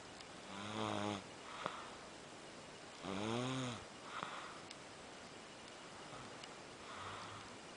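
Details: Person napping on the recorder with TV in background: rhythmic rattling snores on each inward breath, about two breaths every six seconds, quieter outward breaths between; ordinary snoring.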